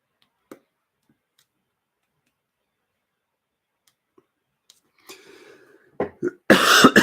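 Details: Adult with COVID-19 (corona, again): after near silence with faint clicks, a few short throat-clearing bursts, then a loud harsh cough.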